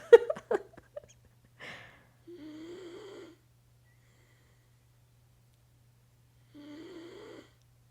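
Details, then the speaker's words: Female dog sleeping in a quiet room: after a brief human laugh and snort, two drawn-out, buzzy, slightly whistling dog snores; snoring. "I know you can hear my dog snoring, which is so strange."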